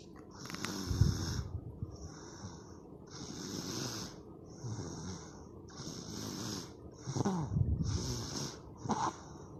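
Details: Baby girl snoring loudly during her nap: repeated rough, snorting breathing noises over several breath cycles.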